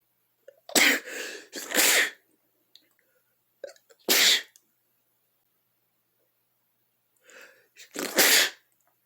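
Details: Adult sneezing four times with a cold, the first two in quick succession, each preceded by a brief catching inhalation.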